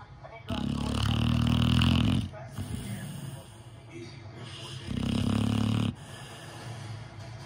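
A sleeping dog gives loud, rumbling snores lasting over a second each, with quieter breathing between them. Snoring.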